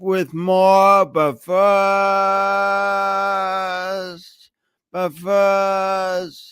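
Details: Adult man with a long-standing speech impediment, noticeable whenever he speaks, speaking as a podcast host; speech impediment (disfluent speech).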